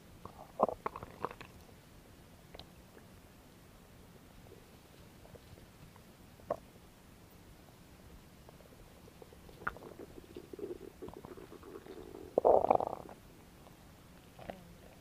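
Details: Belly noises recorded as no-talking ASMR: scattered soft gurgles and squelches with a longer growl near the end over quiet room hiss; normal stomach growling, bowel sounds (borborygmi).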